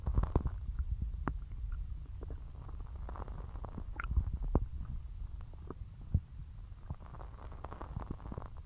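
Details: Gurgling, bubbling stomach rumbles with low rumble and intermittent squeaks after eating a large Sunday dinner: bowel sounds (borborygmi).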